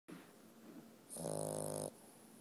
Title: Walter the snoring dog